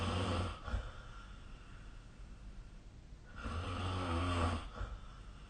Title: 🐽 本日のイビキ / Snoring Sleep Sound 2025/04/28